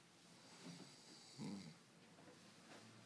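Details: Sleeping boy snoring: soft snorting breaths with one louder low snore over a quiet background hiss.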